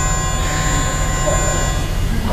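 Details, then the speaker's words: Steady mechanical whirring hum with no heartbeat rhythm, from a patient's implanted left ventricular assist device (LVAD) pump heard instead of a heartbeat: LVAD pump hum. "So the sound you're hearing, that's the motor? That is this little pump right here."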